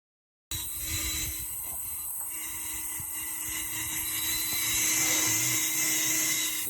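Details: Dental handpiece on an ADEC Century Plus delivery unit with air regulated to 80 psi, running during an air pressure drop fault: steady high-pitched whine with hissing air background.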